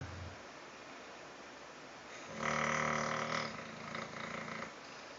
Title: Cat New Snoring Dog Bed, Funny Cat And Dog